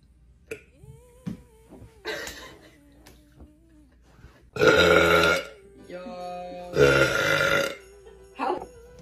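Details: Girl burping: two loud, long, deep belches with a quieter one between and a short one after, over faint background music. She says the burps smell like salad and each burp is like a different food eaten that day. Burping.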